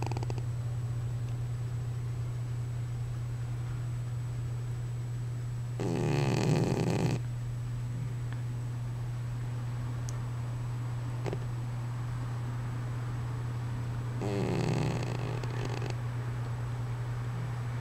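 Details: Male cat that snores all the time: two rough, rattling snores about eight seconds apart over a steady low room hum.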